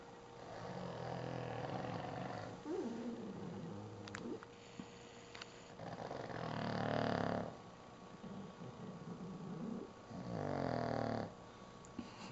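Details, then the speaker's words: Pug dog snoring while resting: snorting, rattling snores from a small flat-faced dog, with quieter wheezy breaths between them. "Mommy caught you snoring. That's my snoring ping."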